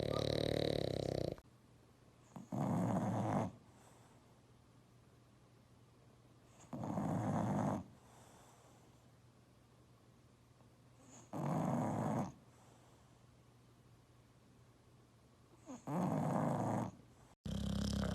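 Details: Sleeping dog snoring loudly: rough snores, about four in 18 seconds, with quiet pauses between them.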